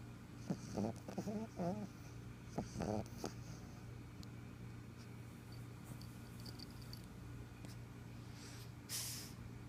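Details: Black pug snoring while asleep: a few rattling, snorting snore sounds, then quieter breathing over a steady low room hum, ending with a short hiss.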